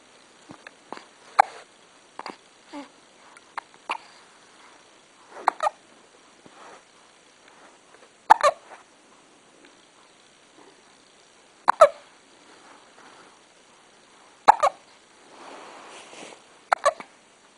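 Brief, abrupt catching sounds recurring every few seconds, about ten a minute, in a quiet room; repeated hiccups.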